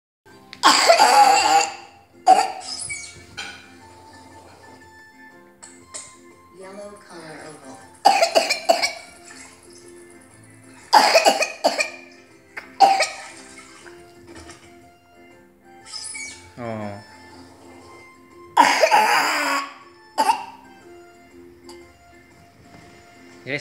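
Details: Vaccinated 4-year-old boy with swab-confirmed pertussis, afebrile, on day 3 of antibiotics, coughing about 5 fits an hour: repeated dry, harsh cough bursts in clusters, then urged to breathe: paroxysmal pertussis cough.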